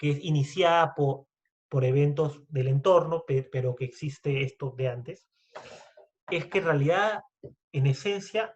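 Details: Adult man who stutters, speaking Spanish in a podcast conversation; stuttering.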